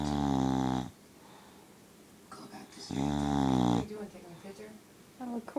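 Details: Snoring from Shadow, a sleeping dog, said to snore like an old man: two long, loud rattling snores separated by a quiet pause, with faint room noise.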